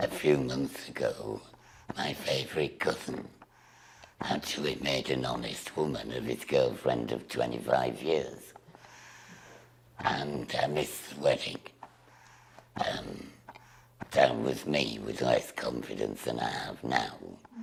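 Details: Woman with a total laryngectomy after laryngeal cancer treated with radiotherapy, emergency tracheostomy and a feeding tube, speaking through a voice device; alaryngeal speech after laryngectomy.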